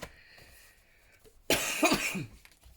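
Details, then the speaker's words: Coughing from an adult woman who apologises that she is still coughing; cough. "Excuse me, I'm still coughing, I do apologise."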